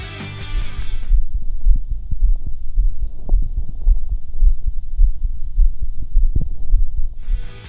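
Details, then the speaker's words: Heart sounds, steady low thumps at about 105 beats a minute, captured by a custom-built piezoelectric film sensor with pre-amplifier, amplifier and USB ADC, recorded in Audacity; music at the edges. "In this video, I would like to demonstrate a customuilt PZ sensor designed to capture the sound of the heart and lungs."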